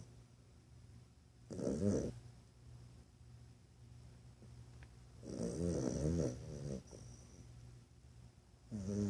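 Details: A sleeping dog napping at work gives three irregular, rasping snores over a steady low room hum: ordinary snoring during a nap.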